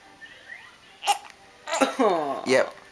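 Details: Brief sharp hiccup from an infant boy sitting up, followed by soft baby vocal sounds, with adult voices in a quiet room; hiccups.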